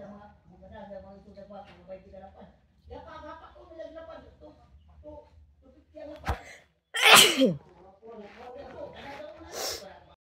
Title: Tickle large nose sneezes and nose blowing Philippines 🇵🇭 like and SUBSCRIBE.